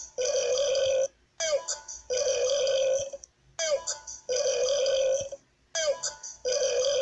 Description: Burps more. Burps